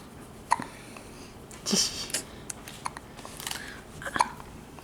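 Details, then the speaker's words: Two or three abrupt, loud, sharp hiccups a few seconds apart against quiet room noise, from an infant boy; infant hiccups. "you have the hiccups buddy a so loud too I know that's a big one"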